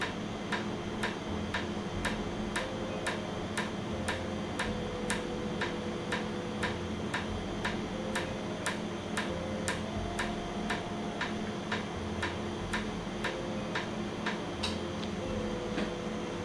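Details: Laser tattoo removal with red ink deferred to the next visit. A laser tattoo removal device fires sharp clicking pulses at about 39 a minute over a steady machine hum.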